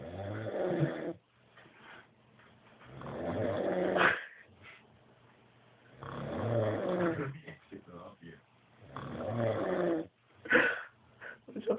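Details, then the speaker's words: Drunk adult man asleep, snoring extremely loudly: harsh snores with fluttering throat noise and snorts, about 20 a minute. Snoring. "Und die Beatbox. Hier, gib mir der Schnarchbeat. Ende. Du schnarchst extrem."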